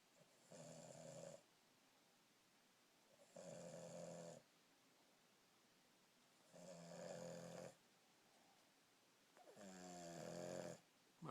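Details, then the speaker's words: Awake, not asleep: four regular snorting snores on the in-breath, about 20 breaths a minute, in a quiet room; snoring-type breathing while awake. "you snoring when you're awake? You're so cute."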